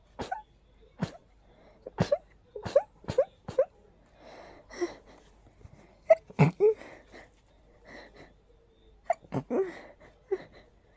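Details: Unusually intense allergy sneezing fit, strong nasal irritation: rapid run of repeated sharp sneezes with short gasping breaths between, then more sneezes; sneezing fit.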